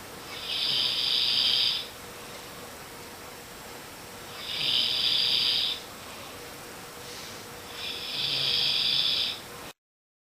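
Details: Snoring: three hissing, rasping breath sounds at a steady pace of about 16 per minute.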